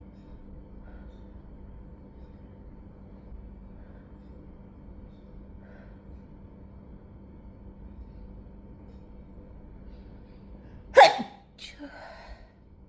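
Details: Long near-silence, then one short muffled burst with a faint follow-up; a stifled sneeze, among a couple of stifled sneezes that turned into a sneezing fit.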